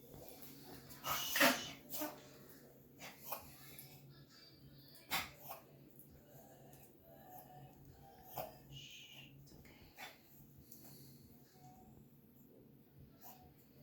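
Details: Dog coughing: a series of short, sharp coughing bursts, loudest near the start, separated by brief pauses.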